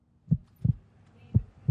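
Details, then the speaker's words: Real human heartbeat recorded for a heart-health jazz project: low, regular lub-dub heart sounds, two beats at roughly 55–60 beats a minute. "he's hooking up with a jazz band which is jamming to the real life beat of the heart these sounds will provide the foundation for a jazz concert with a difference designed to highlight the dangers of heart disease"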